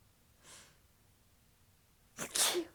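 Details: Person with a completely blocked nose gives a faint breathy intake, then a soft, hissing, tickly sneeze with a short tail in a quiet room.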